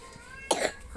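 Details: A single short cough over faint game music, from someone talking while playing a video game.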